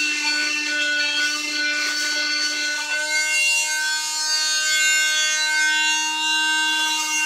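Steady high-pitched whine of an oscillating cast saw grinding through a cast during removal.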